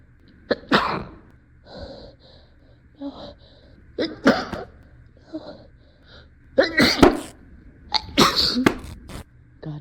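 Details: Acted performance: a run of loud, forceful sneezes with gasping build-ups between them, several in quick succession, with a faint steady hum behind, in a scene where perfume triggers the sneezing in a museum.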